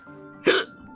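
A single abrupt, voiced hiccup over steady background music.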